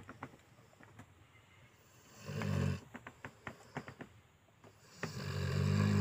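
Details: Mastiff snoring while asleep: loud, deep, rumbling snores with snorting catches and clicks between breaths; heavy snoring in a large dog.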